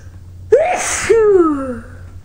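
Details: Sneezing bout from a tickling nose, causing runny nose, watering eyes and sore throat; a single forceful sneeze with sharp intake and voiced release.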